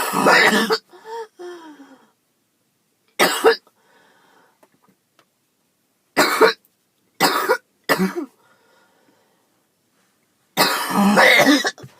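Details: Girl with a coughing fit she hoped was only allergies, with chest pain afterwards: several harsh, loud cough bursts separated by pauses, with breathy groaning sounds between.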